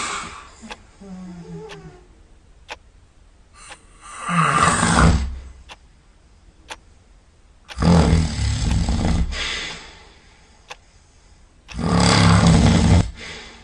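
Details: Molly, asleep outdoors and covered in grass, gives loud, deep rumbling snores, about three big snores in 14 seconds, with a few softer breaths between: loud snoring.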